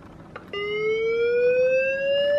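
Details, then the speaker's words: Steady tone rising slowly in pitch as a Physio-Control LifePak12 defibrillator charges, during a training demonstration of disarming the charge without a shock for conscious VT. "so for conscious vt we don't deliver a shock the machine's still going to charge up what you want to do is when you charge it up"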